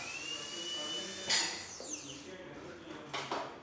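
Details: Dental drill running on a dental chair unit during a demonstration: high-pitched whine of the spinning drill, with brief bursts of spray or air and room noise.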